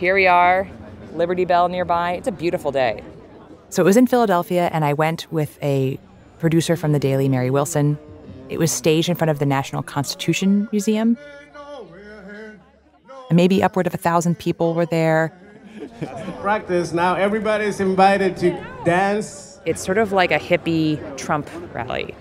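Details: Adult speaker (reporter/narrator); normal voice.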